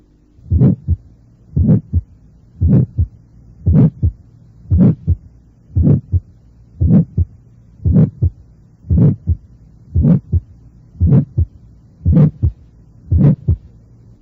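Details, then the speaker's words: Innocent systolic murmur, loudest between the apex and sternum or along the left sternal border, heard with the stethoscope bell: soft, medium-pitched, reaching only mid-systole, not high-pitched like mitral regurgitation; slow regular heartbeat. "es un soplo de tono mediano nose otro agudo como el de la insuficiencia mitral"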